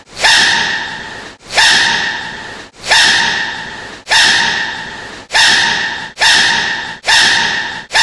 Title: sneezing panda